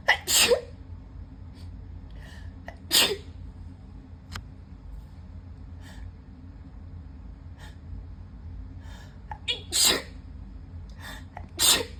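Four sharp sneezes spread over several seconds, with soft sniffs and quick breaths between them.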